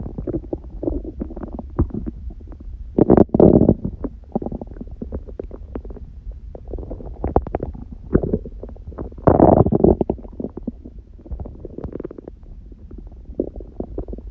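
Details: Hunger stomach growling recorded lying down by someone eating one meal a day on a raw-food diet: continuous low gurgling and rumbling with louder surges; normal borborygmi.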